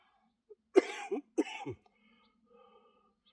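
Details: A productive cough from a person with 46% lung function who is winded and panting during a back and biceps workout. Productive cough.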